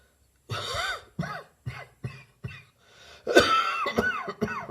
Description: My bronchitis is gradually leaving me, but I'm still coughing - although a much dryer cough now.